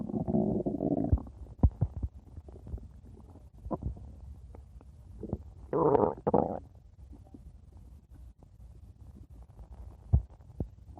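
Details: Stomach growling (borborygmi): irregular low gurgling and rumbling bursts with quieter squelches between them.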